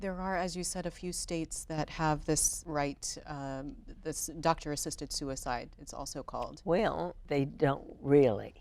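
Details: Adult woman speaking; normal voice.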